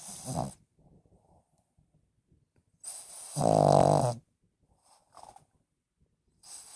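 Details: Snoring, likely from a dog: irregular snorting inhalations with a loud rattling snore, separated by quiet pauses.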